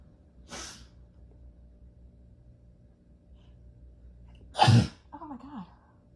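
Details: Two sneezes, the second much stronger and explosive, then a short exclamation: a sneezing fit during illness, recorded 12/12/22.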